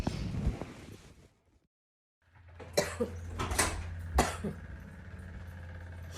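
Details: A girl with bronchitis gives several short, abrupt coughs over a steady low background hum.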